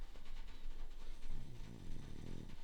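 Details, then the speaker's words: Low, rumbling, fluttering snoring from a sleeper in a hot tent on a winter camping trip, rising in the second half, with faint room noise in the background. "You can hear some snoring in the background. That's all right."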